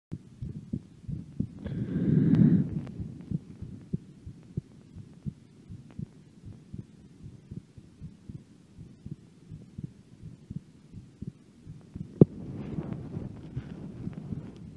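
Soft low heartbeats with breath noise at the start and end, quieter steady beating in between while the breath is held.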